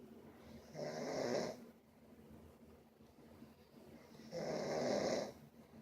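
Two long, rough snoring breaths about three seconds apart, with quiet breathing between them.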